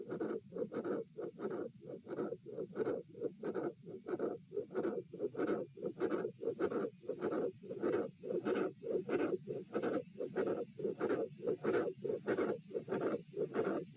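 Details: Continuous heart murmur at auscultation position A during a lie-stand-sit-lie stress test (72-108-90-84 bpm), sound dropping on sitting; regular beats near 95 a minute, each wrapped in a harsh, rushing murmur.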